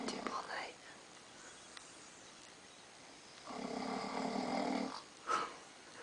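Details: Adult husband snoring loudly while asleep at night: loud, rough, rattling snores on breathing, separated by quiet pauses.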